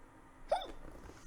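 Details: A single sharp, voiced hiccup against quiet room noise from a Korean streamer with hiccups.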